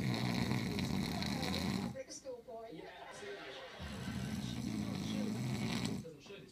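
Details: Man recorded to prove he snores loudly: two long, rough snoring stretches with a quieter pause between, faint talk in the background.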